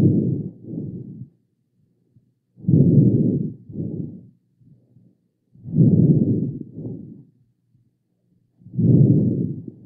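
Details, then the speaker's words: Normal lung auscultation with preserved breath sounds and no added sounds: soft, low vesicular breath sounds in regular cycles, about 20 a minute, without crackles or wheezes. "ok entonces este primero que vamos a escuchar es la una auscultación pulmonar normal a los ríos respiratorios conservados sin agregados"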